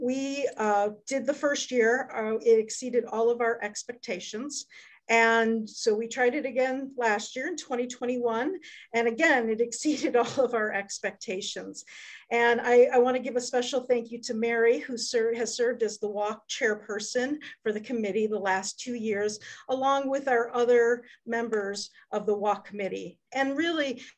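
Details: Adult woman speaking; normal voice.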